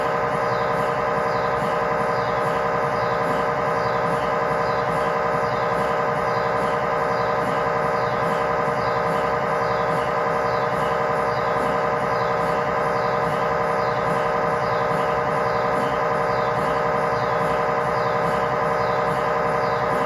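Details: Loud steady rhythmic electronic knocking and humming, about 92 pulses a minute, of an MRI scanner running an imaging sequence, recorded inside the scan room of a GE Healthcare 1.5T or 3T system.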